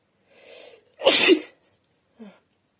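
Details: A breathy lead-in, then one strong explosive sneeze and a brief soft sound after it, from a female trying to sneeze, with a sore throat and slight nasal congestion since the previous day.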